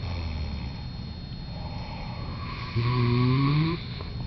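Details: Two people snoring as a pair: low rumbling noise, then a louder buzzing snore near the end, with a steady room hum; snoring.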